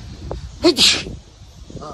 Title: Exo sneeze